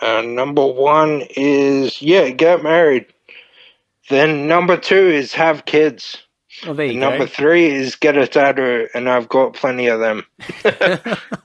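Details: Man, 31, with Friedreich's ataxia diagnosed at 14, a neurodegenerative disorder; he reports slurred speech and word-finding struggles as part of the disorder; finding: dysarthria.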